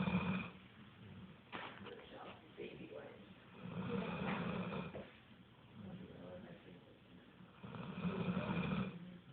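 Low, rumbling snores with soft snorting rise and fall with each breath, in a quiet room.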